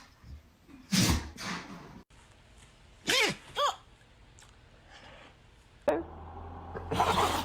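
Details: Dog sneezing repeatedly: several sharp, hissing bursts of air, some in quick pairs, with room noise between.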